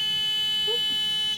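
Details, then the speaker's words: Steady high-pitched electronic pressure alarm on an anesthetic machine during a leak test of a non-rebreathing (Bain) circuit, sounding as manometer pressure nears 20. "20. Just below 20 because of the alarm there."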